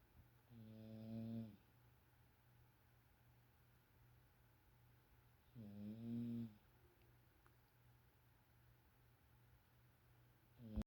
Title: Boo is really starting to snore pretty good!